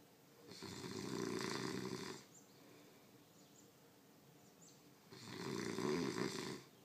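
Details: Loud, harsh snoring from a sleeping roommate, two snoring breaths about five seconds apart with quiet pauses between; snoring.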